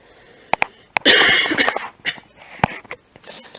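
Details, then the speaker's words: Adult coughs close to the microphone while recording a Minecraft commentary in a small room: a few short, sharp coughs and throat-clearing noises. "Excusez-moi, je vais un petit peu tousser."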